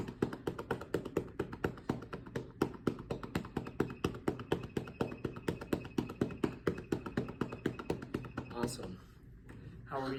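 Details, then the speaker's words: Student physical therapist demonstrates chest percussion with cupped hands over the right middle lobe for airway clearance. It is performed for 3 to 5 minutes, and the patient may huff cough or cough up secretions. "Like I said, you want to perform this for about 3 to 5 minutes and let the patient know that they are able to do the huff cough or cough up any gunk that they feel like is coming up from their lung. Again, just making sure we maintain the cups in our hands."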